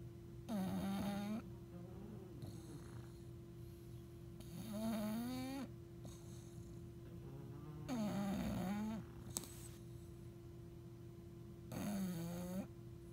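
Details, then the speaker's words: Sleeping bulldog snoring loudly with rhythmic rattling snores about 16 a minute and softer breaths between, over a steady hum; eyes half-open ("zombie eyes") as if almost awake. "He gets these creepy zombie eyes where he's almost awake, and he makes those loud noises."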